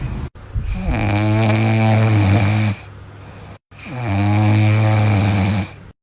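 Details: A sleeping dog snoring: two long, loud, rumbling snores with a fluttering vibration and a quiet exhale between them, about 21 breaths a minute.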